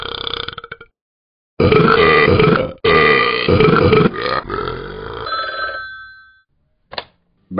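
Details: Talking Ben the Dog app recorded in a car: long, loud, drawn-out rumbling, croaking burps, broken by a phone ring and brief silence.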